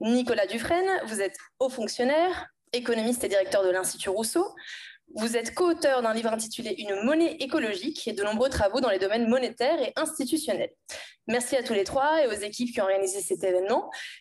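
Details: Adult woman speaking French; normal voice.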